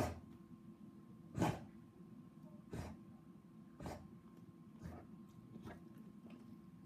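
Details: Marco coughing: four short, soft expulsive bursts with quieter ones between, over a steady background hum; a cough, likely an animal's.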